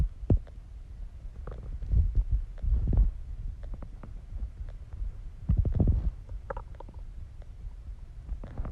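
Low, deep growls and gurgles come and go in waves. These are ordinary stomach growling sounds during digestion.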